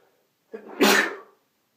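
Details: A short in-breath followed by one loud, explosive burst of air, a single sneeze, from a recording of six sneezes (M).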